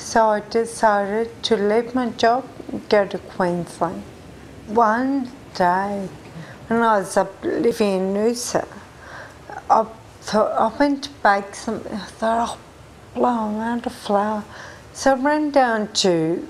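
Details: Ataxic dysarthria in a 43-year-old woman with Friedreich ataxia, a genetic disease, diagnosed at age 20. People think she sounds drunk.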